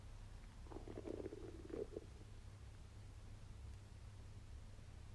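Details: A brief gurgling, bubbling rumble from an abdomen while digesting a wagyu steak meal, ordinary borborygmi.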